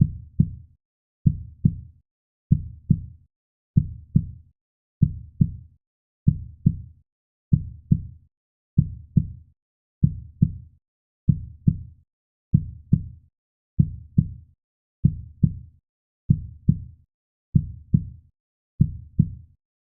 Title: 50 Minutes Baby Heartbeat Sound 👶❤️ | Black Screen Deep Sleep (Sleep Series)